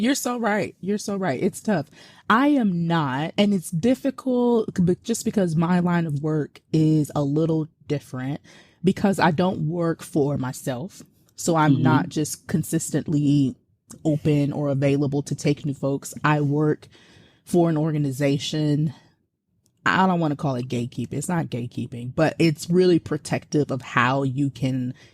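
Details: Adult woman speaking; no disorder.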